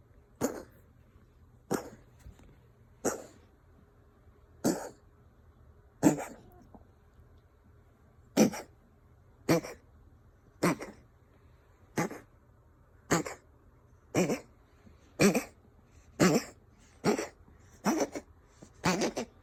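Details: Ragdoll cat (Mochi) coughing and wheezing: a long run of about 16 short, dry, forceful coughs, roughly one per second; owner unsure whether hairball or illness.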